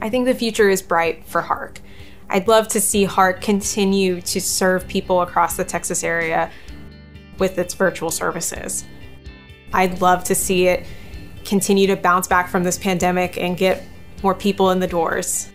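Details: Adult woman speaking; Normal fluent speech.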